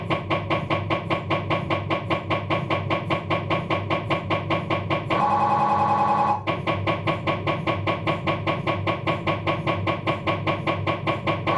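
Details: Abdominal MRI on a Philips 1.5T scanner, diffusion sequence: loud, fast, regular knocking at about 150 a minute broken by a brief steady buzzing tone, MRI scanner noise.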